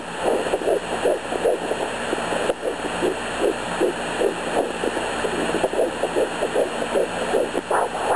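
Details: Home fetal Doppler at 11 weeks pregnant: rapid, regular galloping whooshes about 150–160 per minute; two different-sounding heartbeats found, one 162 bpm and one about 150 bpm, possible twins suspected, only one dot and a yolk sac seen at 5 weeks 6 days.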